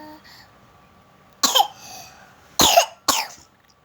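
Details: 1-year-old child who keeps singing while coughing: three sharp, plain coughs from a small child with soft room noise between them.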